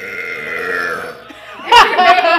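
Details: Burping challenge: a long, low, drawn-out belch followed by a louder burst of burping.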